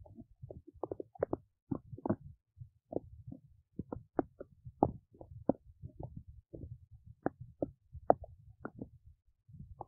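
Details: Belly noises while digesting oats: frequent short gurgles, clicks and squeaks in quick irregular bursts, ordinary active bowel sounds.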